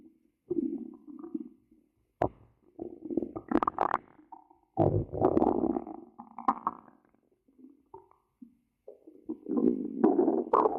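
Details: Hungry stomach growling, ASMR recording: gurgling, bubbling growls in uneven bursts with some squeaky tones.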